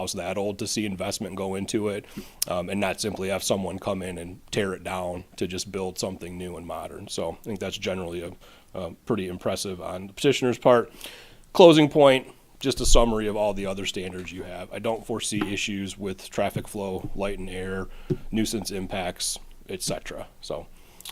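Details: Adult man speaking; Ordinary speech.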